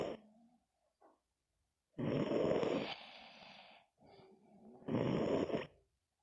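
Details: Teddy sleeping: loud, rough, rattling breaths with quieter breaths between them, about two cycles in six seconds; snoring during sleep.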